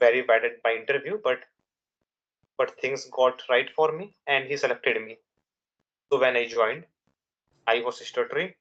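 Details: Young adult man from India who has stuttered since childhood, for over 10 years, with nervousness and fast speech rate as triggers and a father who also stammered; he says he still stutters in real life; stuttering.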